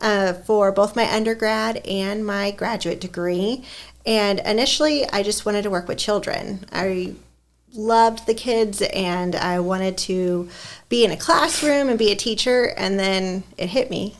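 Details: Adult woman speaking; ordinary speech.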